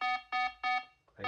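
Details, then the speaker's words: Pulse oximeter alarm on an adult woman with 22q11.2 deletion syndrome as oxygen saturation falls from 88 to 87 to 86%: three repeated high electronic beeps, then a brief noise; low SpO2 alarm. "87 down sorry about that annoying beat 86 you can see it on screen anyway very annoying little thing"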